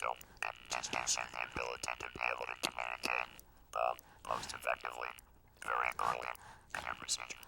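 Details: Laryngectomee who used a mechanical Cooper-Rand device for eight years, then had a tracheoesophageal puncture and voiced immediately; tracheoesophageal speech.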